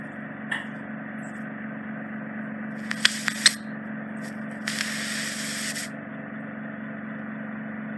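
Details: Steady suction hum with crackling pops and rushing bursts as deep impacted ear wax is drawn from the isthmus, the narrowed canal near the eardrum, in a woman; endoscopic microsuction ear wax removal.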